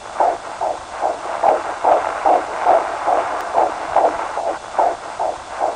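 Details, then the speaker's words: Fetal heartbeat heard during a 4D ultrasound of a 16-year-old mother: rapid, regular whooshing beats, about 146 a minute. "it was an amazing experience I mean hearing a heartbeat that's inside of you is just beautiful"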